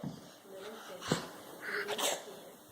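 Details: Young child sneezing at home while a parent says "bless you": one short, sharp sneeze burst with faint breathing and room noise.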